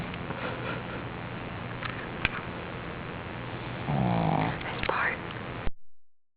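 Steady low snuffling breath noise, then one louder rattling, buzzing snore on an in-breath; dog snoring.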